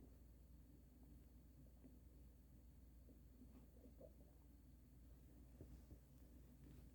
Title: extreme stomach noises - THUNDER Stomach